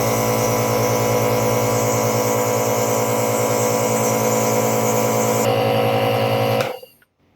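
Steady loud buzzing motor hum of a nebulizer compressor running, then switched off abruptly.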